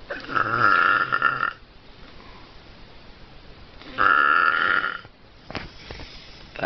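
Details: Adult man's weird snoring: two loud, voiced, croaking, burp-like snores about three seconds apart, with quiet breathing between; unusual snoring.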